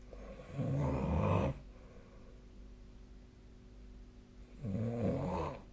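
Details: A sleeping person's snoring recorded with a snore-tracking phone app: two loud, rough, low-pitched snores about four seconds apart, with quiet breathing between.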